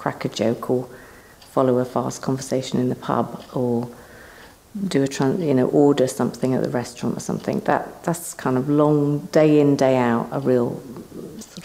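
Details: Adult man speaking; ordinary fluent speech.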